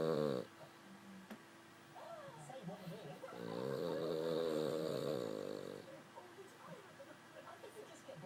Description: this is snoring and he can go louder than this